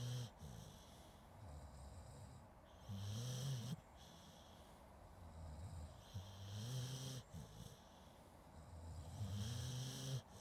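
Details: Zoom H2N recording of a sleeping dog, some human snoring also included: low rumbling snores about 18 a minute, some with a nasal whistle, over a steady hiss; snoring.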